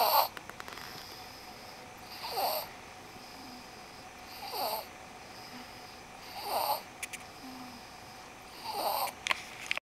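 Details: Soft, airy snoring recurring about every two seconds during sleep, from a child who is getting better at sleeping through the night; light room noise between; snoring.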